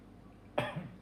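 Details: Adult patient giving a voluntary cough during an abdominal assessment; voluntary cough.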